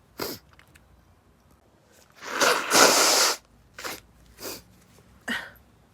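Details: Sneezing attack set off by pepper: several sharp, breathy bursts around one longer explosive blast, a string of sneezes in quick succession; sneezing.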